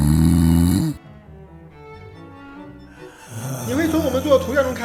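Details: Snoring from an adult man, recorded during sleep monitoring that showed near-absent breathing for a minute and no deep sleep; snoring.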